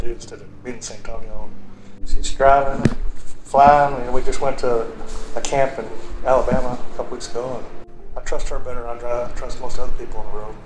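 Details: Adult man speaking; typical speech.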